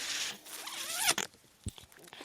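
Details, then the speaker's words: The speaker's own home mechanical ventilator during podcast speech: a hissing mechanical whoosh with a brief rising-and-falling whine and a few clicks; mechanical ventilator sound. "My name is, that noise you hear is my ventilator."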